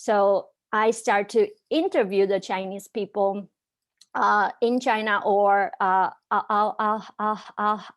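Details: Young woman from China who stutters, speaking on a live panel of young people who stutter; stuttering.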